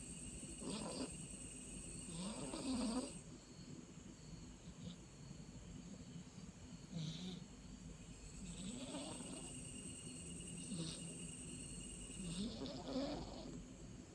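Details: Rhythmic rattling snores with each breath, about five in fourteen seconds, over a steady background hum; described as louder than his daddy's snoring; snoring.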